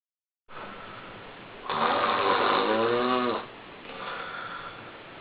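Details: Loud, rough, fluttering snore on the in-breath, with quieter rasping breaths before and after: snoring.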